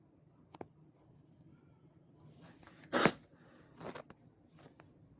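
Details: A sharp, explosive sneeze is followed by a smaller second burst in a quiet room; recorded in the Philippines.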